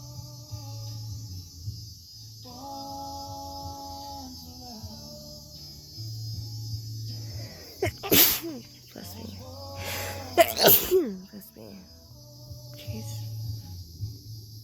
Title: Sorry bout the sneezes 😅 #australia #sneeze #sneezes #achoo #blessme #shorts #tentlife #bushlife